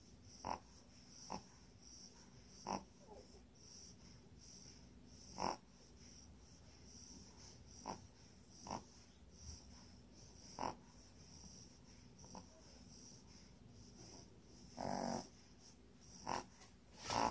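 Soft, irregular snorting and snuffling breath noises from a sleeping puppy, with a faint steady hiss in the background; puppy snoring.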